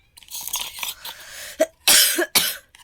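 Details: Three sharp, dry cough bursts after quiet breathy sounds from an adult whose cough has lasted several days without healing despite medicine, with a hoarse voice and ears feeling blocked; cough.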